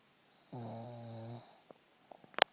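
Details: Single buzzing, nasal snore lasting about a second while asleep, followed by faint clicks and rustling; snoring.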